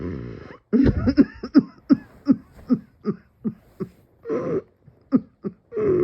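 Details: Coughing fit with dizziness, person felt they might pass out: a long run of about a dozen harsh, rapid coughs with gasping breaths in between.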